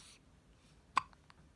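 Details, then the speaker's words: Female with hiccups, visibly moving: a single sharp, brief hiccup click followed by two fainter ones in a quiet room; hiccups. "the hiccups I know scary what was that what just came your mou hiccup that hiccup another my gosh see if you can see your M"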